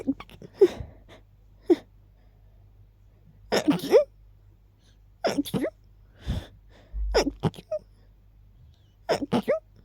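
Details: Rapid runs of sneezes, each with a short gasping buildup, after smelling and keeping a friend's lilies nearby.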